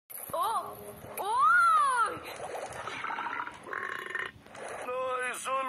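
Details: A man burping: several loud, voiced, drawn-out belches with rising and falling pitch, typical of deliberate burping.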